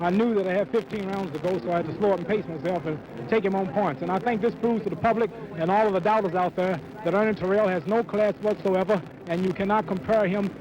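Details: Adult man speaking; typical voice.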